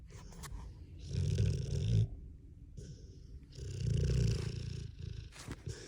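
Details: Deep, rumbling snores on slow breaths, roughly 26 a minute, with quiet gaps between; snoring.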